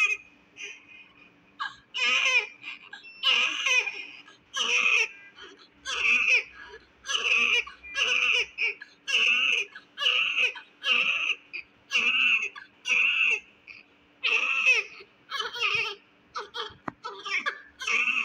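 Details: A premature, low-birth-weight (1.8 kg) newborn, born with a lot of abnormal secretions that were suctioned, gives repeated high-pitched cries in short rhythmic bursts, about one per second, with quick breaths between: a strong, vigorous newborn cry.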